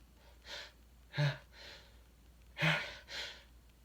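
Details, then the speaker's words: Male adult with a quick volley of sneezes: two quick sneezes, each with a sharp inward breath before a forceful burst, in a quiet room. He says the sudden weather drop makes him extra sensitive; he has no allergies. "yes that's one good thing about the weather changing you know going from like 50 degrees to like 15 in a short time it makes me a little extra sensitive"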